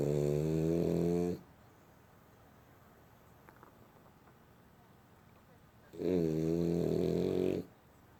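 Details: Sleeping dog snoring: two loud, buzzing, low-pitched snores separated by a quiet pause of about four and a half seconds; snoring.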